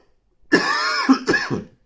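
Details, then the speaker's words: Adult just getting over the flu, hoarse voice: two short voiced cough or throat-clearing efforts. "sorry about my voice and coughing but I'm just getting over the flu so I apologize"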